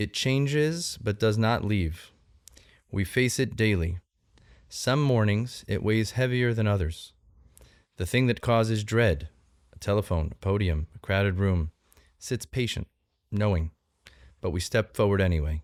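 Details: Adult male speaker; normal speech.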